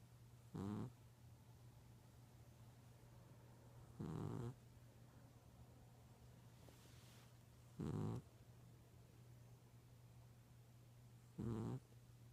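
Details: A sleeping cat snoring in short, rough, low bursts, about 16 breaths a minute, over a steady hum.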